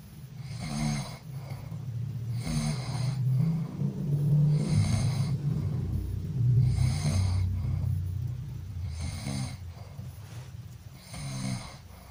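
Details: Sleeping person snoring: rough, rattling snores about every two seconds with a low steady rumble underneath; loud snoring during sleep.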